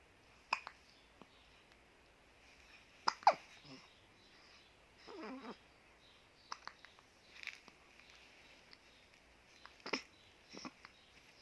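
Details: An infant hiccups repeatedly, with short, sharp catches of breath at irregular intervals.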